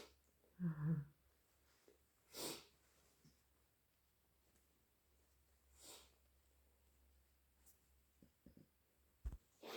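A loud wet sneeze, then sniffs and short nose-blowing bursts in a quiet room. Allergic sneezing.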